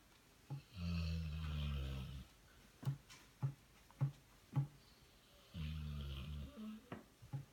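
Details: Female dog asleep and dreaming: two low, rumbling snores with soft thumps and small sounds between them; ordinary snoring.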